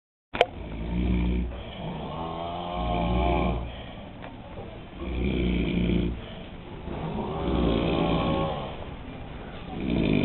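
Loud, rough, low snores recurring in slow cycles of about three a minute-long stretch, each snore drawn out over a second or more; ordinary snoring.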